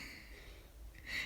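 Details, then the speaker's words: One-week-old baby girl with hiccups: a single soft, abrupt catch of breath against quiet room noise. "She's like, "What are these? These are big hiccups.""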